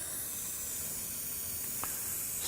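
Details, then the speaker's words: Steady soft hiss of cold ethyl chloride spray on the knee for 10 to 15 seconds, numbing the skin before a knee injection of methylprednisolone 80 mg with 2% lignocaine. "I'll then in order to give Sergei the benefit of a little bit of local anesthesia yuasa methyl chloride spray I'm just going to spray something cold on the knee"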